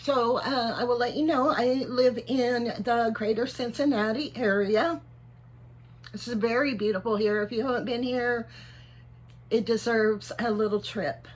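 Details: Voice tremor in a 55-year-old man; doctors are unsure whether he has Parkinson's disease, cervical dystonia or both. He reports tremor in voice, head and hands and is treated with carbidopa-levodopa and neck Botox injections.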